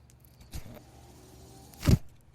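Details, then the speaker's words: Home mechanical ventilator of a man who uses one while speaking: two short mechanical whooshing bursts with a low thump over quiet room noise. "hello everyone my name is that noise you're hearing is my ventilator"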